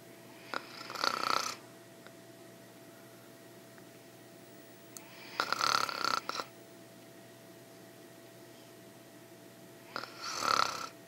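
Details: Adult woman snoring during sleep, ASMR recording: three noisy, rasping breaths about five seconds apart, about 12 a minute, over a steady background hum.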